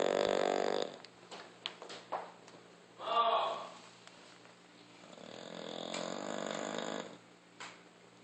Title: Snoring Bulldog